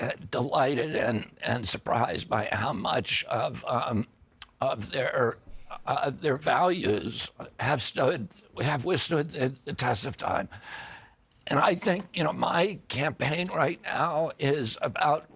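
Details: Adult man with spasmodic dysphonia: he reports a very strong voice until age 42, then a neurological disorder he calls spasmodic dystonia, caused by an injury in 1996, affecting his voice.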